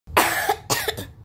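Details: Cough from a child: two or three quick, fairly high-pitched coughs in close succession, sounding somewhat loose.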